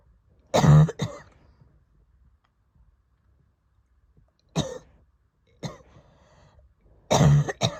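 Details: Harsh, throaty coughs in four separate bouts, some paired, with quiet pauses between: asthma attack cough after recovering from COVID.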